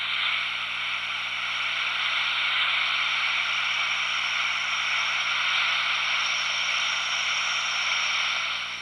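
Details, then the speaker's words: SmartNeedle Doppler needle inserted at an angle into subcutaneous tissue and moved in slow circles to locate a vessel. Steady, low-varying whooshing hiss without sharp pulsing beats: venous flow signal. "venous flow sounds like this"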